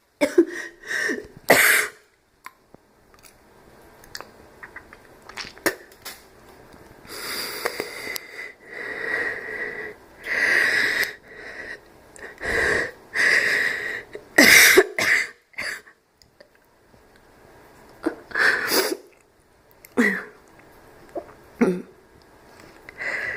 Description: Per request, a slight barking cough and some wheezing...